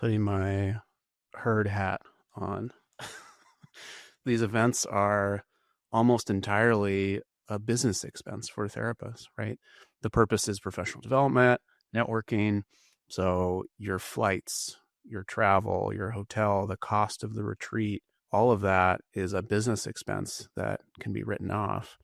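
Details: Adult male speaker; normal voice.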